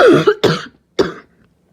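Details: Barking cough.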